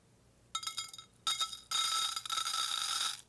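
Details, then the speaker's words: Infant hearing test using a teaspoon of rice in an orange juice can as a high-frequency noisemaker, held about 19 inches from the ear: bright, high-pitched rattle bursts. "we use high frequency sounds when we test babies because if a child has a sensy neural hearing loss it's usually one that is greater in the high frequencies than in the lows"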